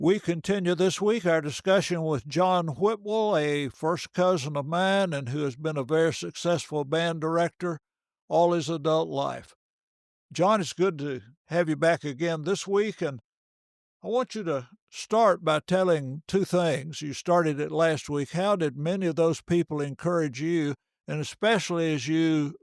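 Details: Adult male speaker; normal speech.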